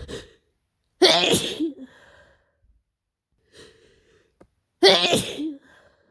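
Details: Adult kindergarten worker with their worst cold so far, which began with a scratchy throat and headache, sneezing harshly: two loud, forceful sneezes, each preceded by a sharp indrawn breath.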